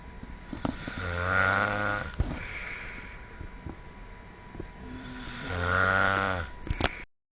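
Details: Two loud, rattling snores about four seconds apart, each a long vibrating inhalation: snoring.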